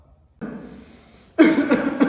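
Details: Asthma cough: a long, deep in-breath, an attempt to open the narrowed, inflamed airways, followed by a run of two to three strong, harsh coughs to clear them.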